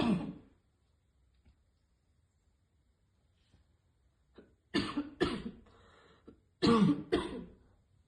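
A hard cough, a quiet pause, then two pairs of forceful harsh coughs; choking cough after inhaling vapor.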